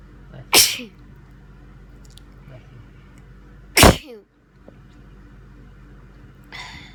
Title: Sneezes throughout the day!